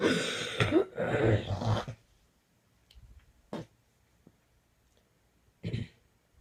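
Two long harsh coughing bursts, then a few short coughs after a quiet gap: a coughing fit.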